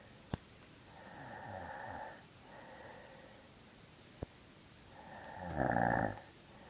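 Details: Adult woman (the speaker's mother) snoring in sleep: rough, rattling snores, the last one loudest, with a couple of faint clicks.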